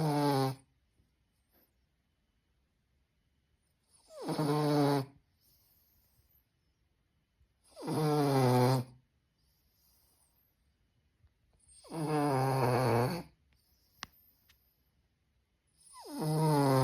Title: Pas hrče😂!Dog snoring.#dogsnoring #snoring #dog #dogowner #pug #rambopugdog#tireddog #funny #hund